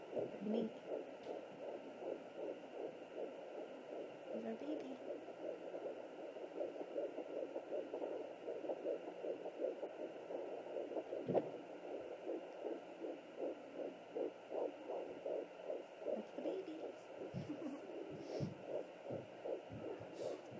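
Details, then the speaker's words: Fetal heartbeat at 12 weeks of pregnancy on a Sonoline B 3 MHz home Doppler: rapid galloping whooshing pulses around 150–160 beats a minute, faster than and distinct from the mother's heartbeat. "There's the baby's heartbeat. Hear how it's much like faster. It's not swishing. That's the baby."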